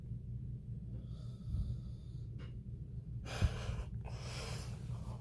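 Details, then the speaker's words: Brother snoring at about 2 a.m.: low rumbling breaths with snorting noises and harsh airy exhalations in a quiet room; loud snoring during sleep. "hello guys it's currently like two in the morning and my brother's snoring don't know if you can hear him but he's snoring really loud"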